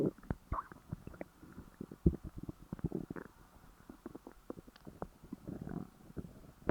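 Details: Stomach growling after overeating (stuffing gone wrong): frequent low gurgling and rumbling bursts, ordinary active bowel sounds.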